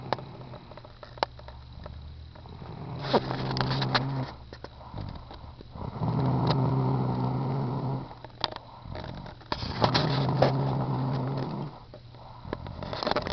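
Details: Snoring: low rumbling, vibrating breaths recurring about every three seconds, with clicks and room noise.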